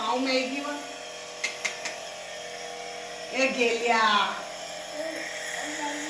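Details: Compressor nebulizer treatment for cough and cold, given while playing: a steady motor buzz from the running nebulizer, with brief voices and small clicks over it.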